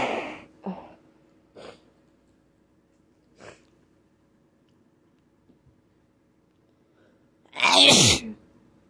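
Several small sneezes and sniffs, then one loud, explosive sneeze in a quiet room; ordinary sneezing.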